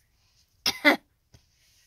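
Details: Two abrupt, forceful cough-like throat bursts in quick succession from a person with Tourette syndrome during a bad late-night tic episode: vocal tic.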